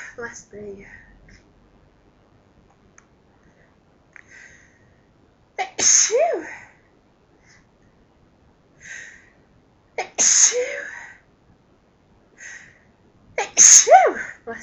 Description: More sneezes from me..... some loud, some half stifles and some talking